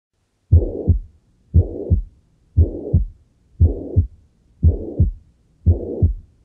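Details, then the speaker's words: Auscultation at the mitral focus: steady heartbeat near 58 a minute with a blowing systolic murmur filling the gap between first and second sounds, mitral insufficiency (regurgitation). "agora se fosse no foco mitral seria uma insuficiência mitral"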